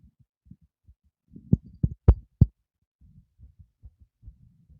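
Quick, soft low thumps of a fast heartbeat, with a few loud knocks midway; a normal racing heart after physical effort.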